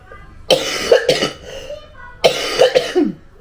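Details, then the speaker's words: 27-year-old woman, ill, with phlegm in chest and breathlessness: two bursts of wet, loose productive coughing with throat clearing. "Masama pa rin talaga yung pakiramdam ko, guys. Yung yung dibdib sa flema. Hindi pa maganda. Hinihingal pa rin ako."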